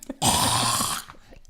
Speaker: it's a hacking sound but but but actually beyond a hacking sound it is a hacking sound but it's also described as it sounds like my dog is choking on a stick